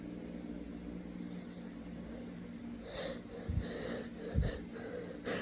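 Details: Sniffling with lots of sneezing: quiet breathing, then a run of short, wet, very snotty nasal sniffs through a congested nose.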